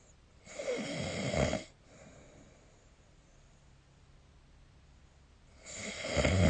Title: 🐽 本日のイビキ / Snoring Sleep Sound 2025/03/25